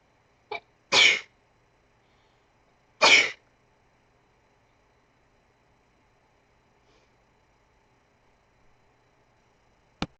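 Two sharp, explosive sneezes a couple of seconds apart, each preceded by a brief intake, in a quiet room.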